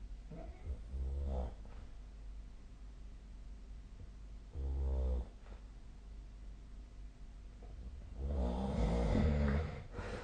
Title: 🐽 本日のイビキ / Snoring Sleep Sound 2025/02/28